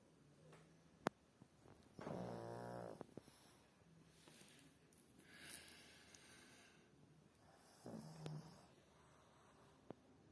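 Low, rattling snore on inhalation, with a second shorter snore a few seconds later in a quiet room.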